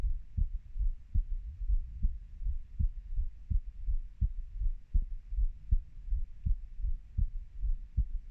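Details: Own heartbeat of a 30-year-old: steady, low paired thumps in a regular rhythm at about 78 a minute; a heartbeat.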